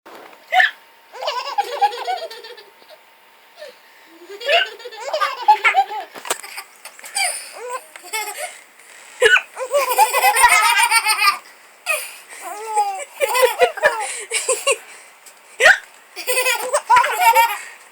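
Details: Young child with hiccups, giggling as her mother copies them: short, abrupt hiccup sounds repeat between bursts of the child's giggling and laughter; hiccups.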